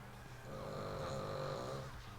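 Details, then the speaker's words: A male dog in the background snoring loudly, one long, rumbling snore against faint room noise. "uh if you can hear my dog snoring in the background as well I apologize he's really loud"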